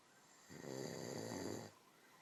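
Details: A single low, vibrating, rattly snore lasting about a second over faint background hum.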